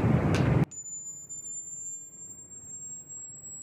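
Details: High-frequency hearing test sweep tone, best heard in Chrome with capable headphones or speakers: after a short burst of noise, a thin, very high whistle holds steady, then climbs from 1,000 Hz to 20,000 Hz.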